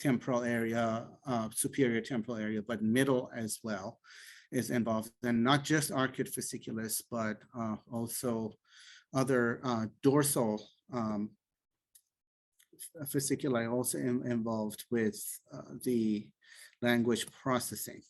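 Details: Adult male speaker; typical speech.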